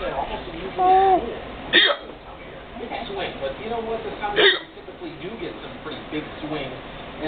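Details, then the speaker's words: Adult mother with hiccups: two sharp, abrupt hiccup sounds breaking into household talk, while her baby laughs at them. "it's not funny that I got the hiccup I'm suffering"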